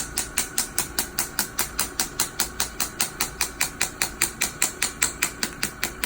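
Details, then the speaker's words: Rapid, very regular sharp tapping pulses, about four a second, as energy is turned up on a small-head extracorporeal shockwave therapy handpiece treating a young man's Achilles tendonitis, a follow-up to a PRP injection in a treatment series. "so now we're just gonna go up on the energy for the shocks now are gonna be a little bit stronger"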